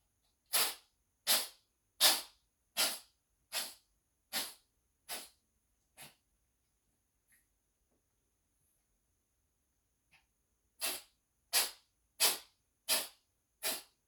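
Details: Dog sneezing uncontrollably: two rapid fits, about thirteen sharp sneezes in all, with a brief pause between.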